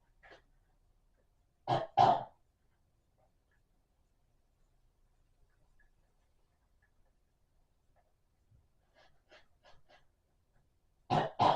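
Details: Cough in a quiet room: a quick pair of coughs, then a single cough later, with faint throat sounds between them.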